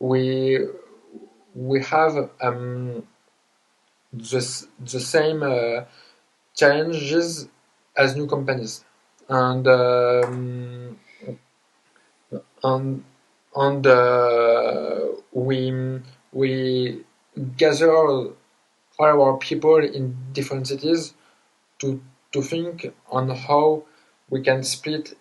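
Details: Adult podcast host who identifies as a person who stutters; word repetitions: stuttering.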